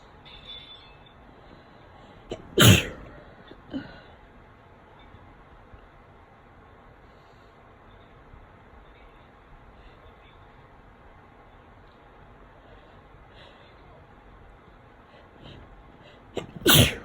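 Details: Exhausted person with a cold sneezing: two loud, explosive sneezes about fourteen seconds apart, with quiet breathing and room noise between.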